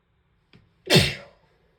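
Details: A brief in-breath, then a single loud, wet, explosive sneeze in a quiet room.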